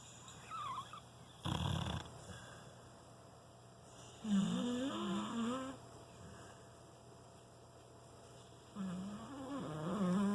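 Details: A sleeping dog snores: a rough snorting breath, then longer wavering, whine-like snores against quiet room noise: ordinary snoring.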